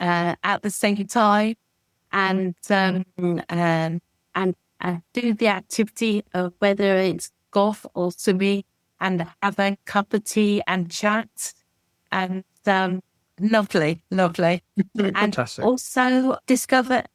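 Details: Aphasia from a stroke about 17 years earlier in an adult man; speech is difficult, slow and described as slurred, while reading is fine.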